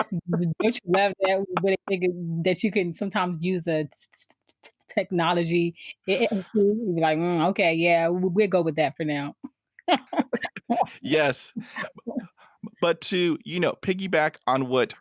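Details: Adult woman who has stuttered since she began to speak, around age four or five; stuttering.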